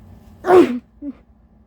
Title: Sneezing fit (w/ big buildups) and two intense coughing fits🤧😫